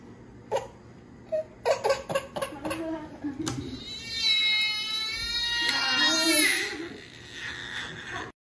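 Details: Infant crying loudly with sustained wails after a vaccine injection, a normal pain response.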